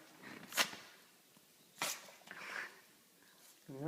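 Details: Yorkie puppy with two sharp, high little sneezes and snuffly breaths between them, a brief bout; sneezing.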